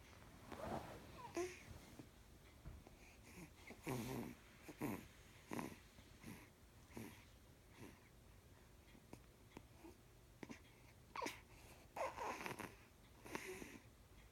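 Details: Colin snoring at 12:35 am; repeated noisy, whistling breath sounds every one to two seconds in a quiet room, fitting a sleeping dog's snoring.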